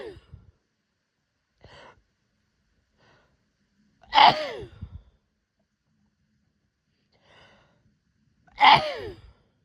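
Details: Hay fever sneezes from a female: two sneezes, each preceded by a quick catching inhale, then a sharp voiced burst.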